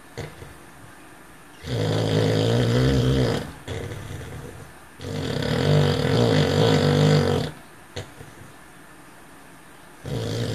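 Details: Male cocker spaniel asleep and dreaming; loud, rough, rumbling snores on each breath, about 16 a minute, with quiet pauses between: snoring.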